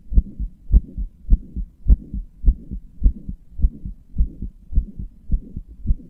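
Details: Heart murmur in a person who describes their own heart as weak and inefficient, with murmurs and palpitations; steady, slightly fast heartbeat about 105 bpm with a soft whooshing sound between beats.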